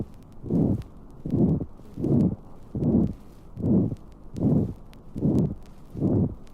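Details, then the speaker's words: Ventricular septal defect at the fourth left intercostal space beside the sternum, about 76 beats a minute: loud, rough systolic murmur drowning out the heart sounds. "Interventricular septal defect recorded in the fourth intercostal space on the left side of the sternum. The heart sounds are drowned in a rough systolic murmur."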